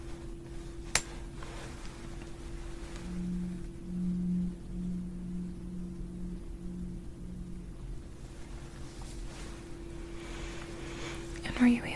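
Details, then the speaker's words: Simulated ASMR roleplay of a cranial nerve hearing test: a struck tuning fork rings with a steady pure tone that slowly fades. "Sometimes the tuning fork can cause the tonitis as it has a very similar sound, but it's also a way to test your hearing."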